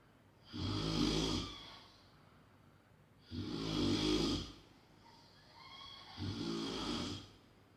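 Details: Heavy snoring: three loud, rattling, low-pitched snores on the in-breaths, about 21 a minute, with quiet exhalations between.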